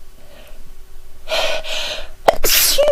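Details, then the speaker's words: Woman sneezing after sniffing a scented soap from France that triggers sneezes: a quiet sniff and short indrawn breath, then one sharp, explosive single sneeze. "I'm going to sneeze again it tickles my God my eyes are watering so badly"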